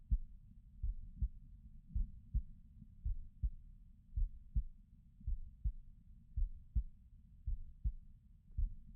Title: This is my heartbeat sounds